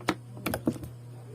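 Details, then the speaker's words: Student return demonstration of anterior and posterior thorax assessment: chest percussion in a zigzag sequence, several sharp tapping thumps of fingers striking the chest wall. "now while doing the percussion use the zigzag procedure"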